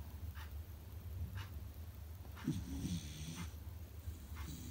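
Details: Beagle puppy snoring while asleep: soft, rhythmic, whistling breaths about once a second, with a faint snuffling snore midway, over a low steady background hum.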